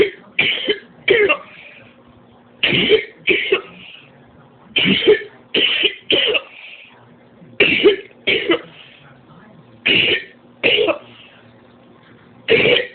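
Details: Persistent cough with no improvement: repeated harsh coughs in short bouts of two to four, about seventeen coughs in thirteen seconds.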